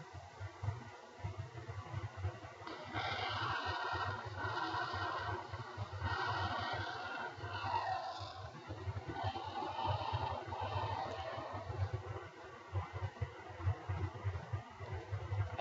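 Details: Chest auscultated with a stethoscope: harsh, hollow, tubular breath sounds with a pause between inspiration and expiration, expiration longer (reversed ratio, about 1:3); bronchial breathing.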